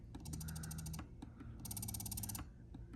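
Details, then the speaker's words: Spectra S1/S2 electric breast pump in expression mode with vacuum turned up high: rhythmic mechanical clicking and whirring suction bursts. "You're going to go, you can see the vacuum, it can go pretty high."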